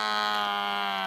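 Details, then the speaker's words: Digital wrist blood pressure monitor, battery-powered, held up on the user's own wrist (not at heart level) during a demo: steady buzzing motor whine as the cuff inflates before it slowly deflates. "And by that, I don't mean exploding. It's blowing up the same way a traditional one does on your arm, except this, of course, is on my wrist."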